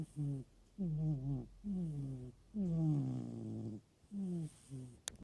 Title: snoring